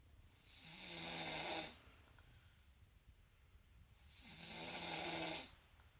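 Two long, rough, rattling breaths about four seconds apart, with quiet pauses between: snoring during sleep.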